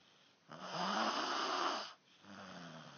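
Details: Loud, harsh snoring breath in, then a softer rumbling breath out; heavy snoring from a sleeping man.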